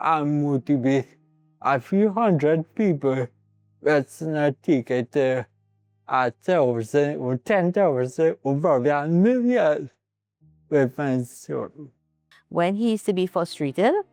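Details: Adult man with cerebral palsy present from birth; dysarthric speech (cerebral palsy).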